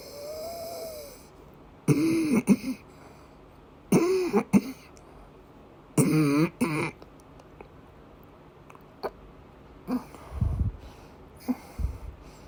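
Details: Female patient with persistent asthma attacks and migraine-cluster headache complex, coughing and vomiting: three harsh, strained coughing bouts with retching-like throat sounds between quieter gasps.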